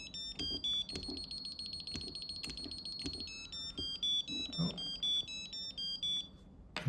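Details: Woodpecker Woodpex V dental apex locator connected to its tester: a series of high electronic beeps, some merging into a steady tone, showing the device's apex signal working.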